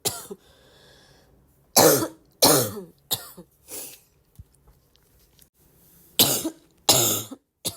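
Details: Persistent repeated coughing, self-described as the more one coughs the more one feels like coughing: bursts of harsh coughing, about six in eight seconds, with brief pauses between.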